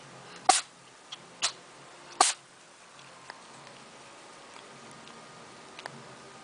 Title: Sneezing Animals 😂 Funny Sneeze Attacks [Funny Pets](Best of Compilation)